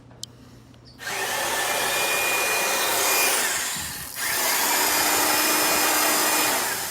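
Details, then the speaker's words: Two steady high-pitched motor whines from a surgical drill boring pilot holes in a turtle's jaw for wire fixation of a jaw fracture at a wildlife center. "So quickly, I am gonna turn you around again, and you're actually going to see Priya drill into the jaw of this turtle. And what she's doing is she's creating those pilot holes for the wire to slide through, okay?"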